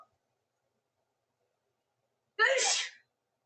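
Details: A single sharp sneeze from a woman after a long silence; only one burst is heard, not a full sneezing fit.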